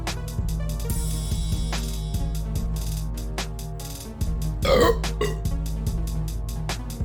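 One loud, drawn-out burp stands out over loud background music with drums.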